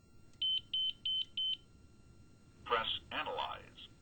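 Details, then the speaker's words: ZOLL E Series cardiac monitor/defibrillator turned on with selector switch for AED use: four short, evenly spaced high beeps signalling a passed power-on self-test, then a spoken "stand clear" voice prompt; defibrillator self-test beeps. "To use the AED feature, the selector switch must be turned to on. The E-series unit will beep four times."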